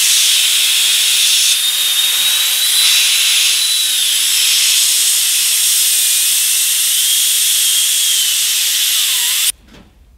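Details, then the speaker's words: Air-turbine dentist drill demonstrated as a pneumatic device: loud, steady, piercing high-pitched whine and hiss spinning at enormous speed, then stopping abruptly. "one final sort of air powered um device is a dentist drill now this is different it's not like a cylinder obviously it's actually a turbine so it hairs round at enormous speed"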